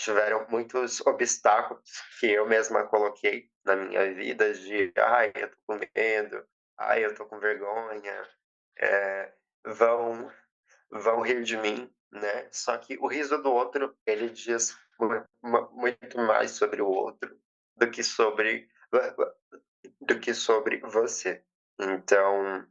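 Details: 20-year-old female psychology student, stuttering since age 7, nervous while giving a public talk at a stuttering event; heavy word and part-word repetitions; stuttering.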